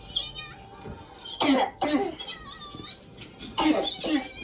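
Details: Two pairs of harsh, forceful coughs over quiet room noise and faint music, recorded in a hospital; a repeated, described as horrible, cough.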